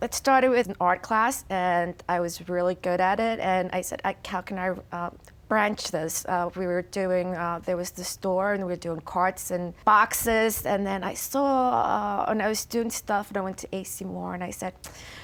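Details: Adult woman with chronic aphasia after a stroke, nonverbal at the time of the stroke and since improved; aphasia.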